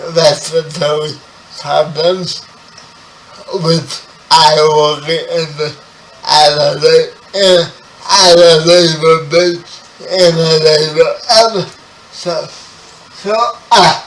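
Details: 30-year-old man with spastic quadriplegic cerebral palsy, born 11 weeks premature; dysarthria.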